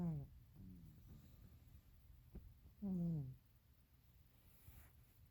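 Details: Snoring from a sleeping cat: low, fluttering snorts on its breaths, faint and partly masked by room noise.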